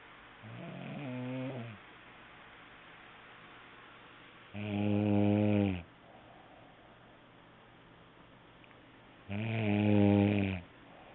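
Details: Snoring recorded on an HTC mobile phone: three loud, rough, low-pitched snores about every four to five seconds, with quiet breathing between them; ordinary snoring.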